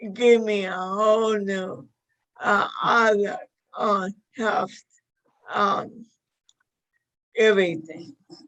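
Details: Dysarthria in a 61-year-old woman with motor neuron disease diagnosed five years earlier; severity varies from day to day.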